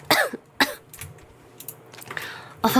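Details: Girl who says she has caught a cold: two sharp cough bursts, a quieter stretch with faint throat sounds, then a third cough; dry cough.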